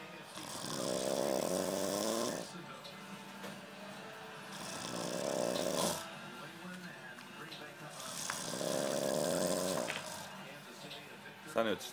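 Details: Snoring after a long night: three loud, rasping snores in a steady rhythm, about 15 breaths a minute.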